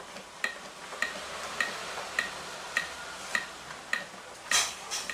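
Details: Steady clicking at about 103 per minute over background hiss: the CPR metronome of a Prestan AED Ultra Trainer pacing chest compressions after a simulated shock, with 30:2 compression-to-breath prompts.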